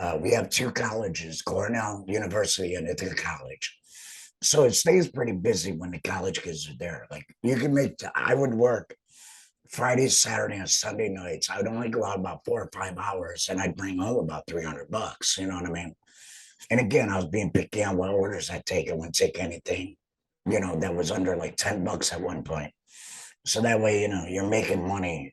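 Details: Adult male, total laryngectomy about two and a half years earlier for cancer treated with chemotherapy and radiation, uses an HME, apparently esophageal speech; stoma hurts after heavy talking; alaryngeal speech after total laryngectomy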